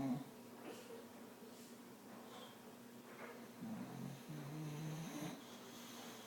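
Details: Female pet dog asleep and snoring; snoring.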